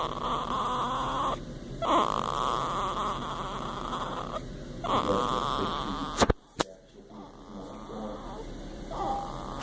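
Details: Newborn baby girl snoring: soft, rattly noisy breathing broken by brief pauses between breaths, about 20 a minute.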